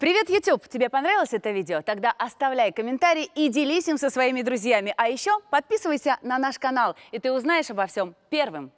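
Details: Adult woman speaking Russian; normal speech.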